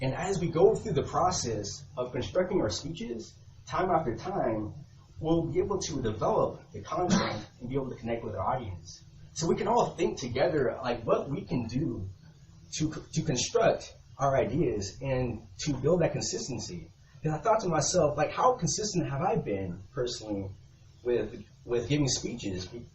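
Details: Real stuttering in a man who has stuttered since he began speaking, recorded between 2013 and 2019 while working to improve fluency; he reports sometimes needing minutes for a single sentence.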